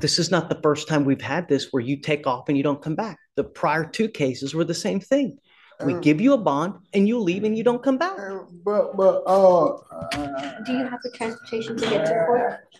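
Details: Adult male speaking; no disorder.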